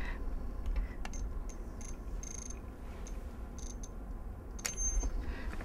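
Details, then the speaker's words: Temporal artery thermometer wiped with alcohol and swept across a female patient's forehead, along the hairline and behind the ear during vital signs; faint short high beeps and soft clicks as it takes a reading. "this would be the temporal artery or artery thermometer and i'm going to just wipe that off with alcohol and i'm going to go across her forehead and by her hairline and then touch behind her ear"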